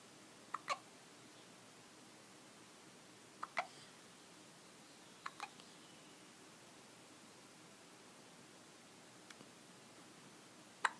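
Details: Six sharp, brief hiccup sounds at irregular intervals, some in quick pairs, in a quiet room.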